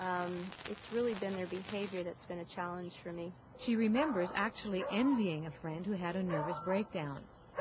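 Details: Two adult female speakers, an interviewee then a narrator; speech.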